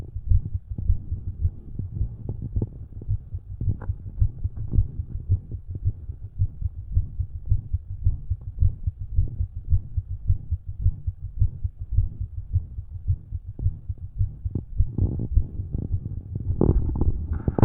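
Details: Own resting heart heard through a stethoscope by an adult, with an extra low sound before each beat (possible S4, unconfirmed) and a soft murmur; the extra sound went away later that day.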